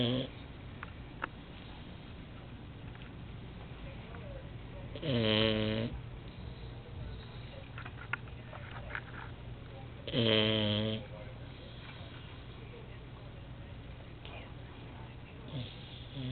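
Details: Pet dog snoring: two loud, buzzing snores about five seconds apart over steady background noise; snoring.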